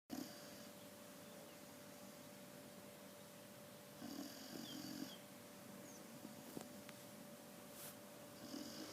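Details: Soft, rhythmic, low rumbling breaths from a sleeping dog over a faint steady room hum; ordinary snoring.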